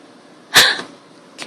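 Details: A single sneeze: a sharp, hissing burst with a quick fade, followed by a faint short puff.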